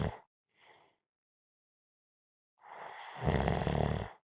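Short breath sounds, a long silence, then a rising noisy breath ending in a rough, vibrating snore; snoring during sleep.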